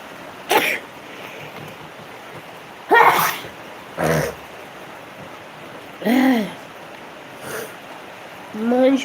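About five sneezes in a row over nine seconds, some with a voiced 'atchoo'. An allergic sneezing fit.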